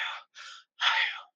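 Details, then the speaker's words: Imitated tubular (bronchial) breath sound, as heard over lung consolidation in pneumonia: hollow, blowing sound of equal strength on inspiration and expiration, like a whispered 'ah'. "no un sonido inspiratorio y expiratorio como si estuviera pronunciando las vocales a ese es el soplo tubárico."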